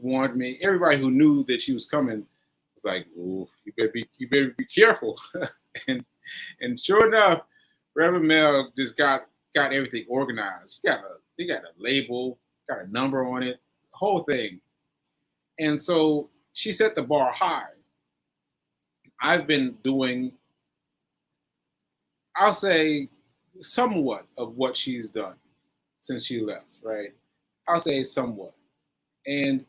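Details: Aphasia in a man recovering from a stroke on 7/14/22, recorded 7/4/23; he says his aphasia makes things harder for him.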